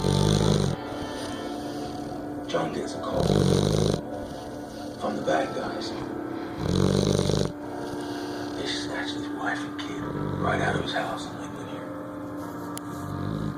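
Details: Snoring recorded January 31, 2015: loud rumbling snores in bursts every few seconds, with quieter breathing and faint background sound between.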